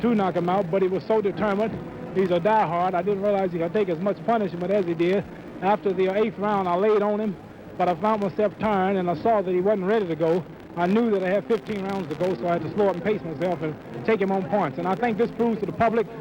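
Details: Adult man speaking; normal voice.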